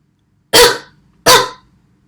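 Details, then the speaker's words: Voluntary effective-cough technique demonstrated by a physiotherapy student: patient seated, leaning slightly forward with head bowed, takes a deep breath, then gives two strong coughs in quick succession while breathing out. "ให้ผู้ป่วยหายใจเข้าลึกๆ แล้วในขณะหายใจออกนะคะให้ทำการไอต่อเนื่อง2 ครั้งค่ะ"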